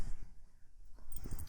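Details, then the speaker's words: An adult's stomach growling during a recorded tarot reading: low, soft gurgling rumbles, ordinary bowel sounds (borborygmi). "if you all heard my stomach growling forgive me it happens right"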